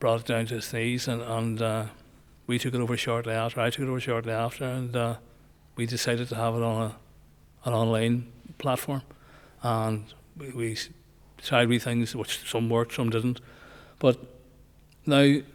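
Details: Male nearly 65 with Parkinson's disease, diagnosed after he noticed his voice was not right; also word-finding difficulty, gait change and tremor controlled by medication; hypokinetic dysarthria (Parkinson's disease speech).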